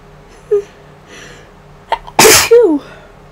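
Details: Person home sick with a cold- or flu-like illness of unknown cause, no fever the day before: a short in-breath and catch, then one loud explosive sneeze with a trailing voiced sound.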